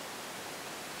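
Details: Child in respiratory distress on oxygen, tired, with sternal recession and tracheal tug: after a brief quiet gap, a loud, harsh, musical, high-pitched breath sound: stridor.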